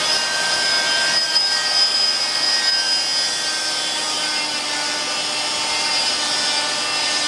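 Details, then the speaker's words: Steady high-pitched whine of an oscillating cast saw, suction running, gently starting a lateral-anterior clamshell cut through a thin fiberglass total contact cast on the leg; cast saw cutting during cast removal. "So with our suction on, and with our cast on, basically you find a point lateral and anterior, and you start your process, and it's gentle. Let the blade do the work."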